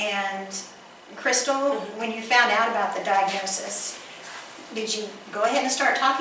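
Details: Adult woman speaking; normal speech.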